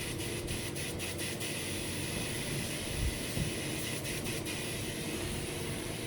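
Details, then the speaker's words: High-flow nasal cannula oxygen therapy system during warm-up, cannula obstructed by hand, changing displayed pressure (cmH2O) and flow values: a steady loud rushing hiss of high-flow airflow through the blocked cannula. "It is showing pressure in terms of CmH2O and flow rate, and since I am obstructing the cannula with my hand, you can see the change in the values there."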